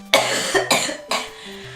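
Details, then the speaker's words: Young woman who became really sick days earlier, coughing: three harsh coughs in quick succession over a steady background tone. "Oh my god, this is like going to be a video of me coughing only."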